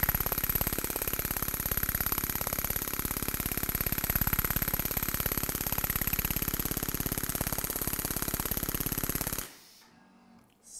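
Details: Storz Medical radial shockwave device with Spine-Actor transmitter, used for paravertebral musculature, trigger points, muscular imbalance and pain: rapid, regular tapping pulses, about 3–4 per second, running roughly nine seconds then stopping.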